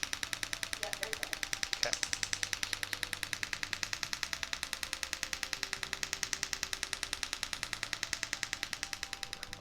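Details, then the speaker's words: Focused shockwave therapy head on the plantar fascia insertion at the heel: rapid, very regular sharp clicking pulses, about 200 a minute. Dancer with heel pain from plantar fasciitis/fasciosis for over 10 years. "so that's a typical shock wave treatment that we'll do for plantar fasciitis again loosening up the calf musculature and the bottom of the foot"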